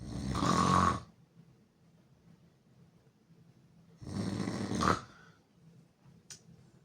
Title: Me snoring loud and hard with mouth opened